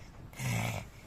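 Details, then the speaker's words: Imitated snoring by a three-year-old child pretending to sleep after hearing his father snore: a single low, rumbling nasal snort. "YouTube में video श्स video look को देख के ये सोने वाला acting कर रहा है।"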